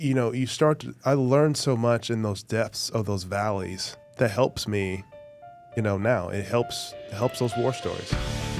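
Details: Adult male former professional football player with a stutter since childhood, described as really bad growing up, always worked on and still present now, with a struggle communicating verbally; stuttering.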